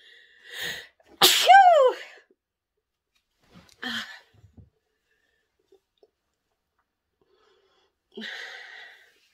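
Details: Adult woman's pepper-induced sneezing: one loud sneeze with a rising-falling voiced burst, followed by a few softer sniffs and breathy noises in a quiet room.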